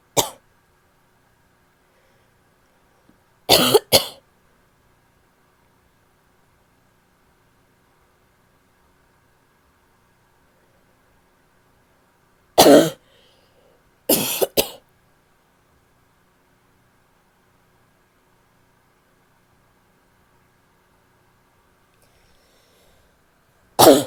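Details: Female with an annoying barky cough: short, harsh, explosive coughs in separated single and paired bursts against quiet room hum.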